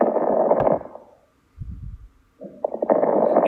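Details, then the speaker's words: Fine crackles (rales) from pulmonary edema: breath sounds with fine, brief crackling pops as air passes through fluid in the lungs, with no secretions to suction; critical care transport respiratory assessment teaching. "this is just air passing through the fluid in the lungs and it'll sound like fine it'll be fine crackles"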